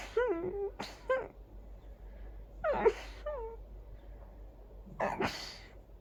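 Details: Big, desperate sneezing fit from very itchy sneezes: several sharp sneezes in quick succession, some with a drawn-in breath before, over a low background hum, followed by laughter.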